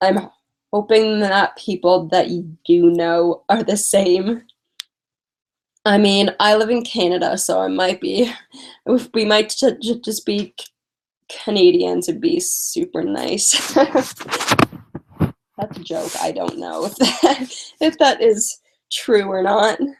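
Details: Stuttering in a female speaker who uses strategies such as prolonging words and talking slowly; she is tired.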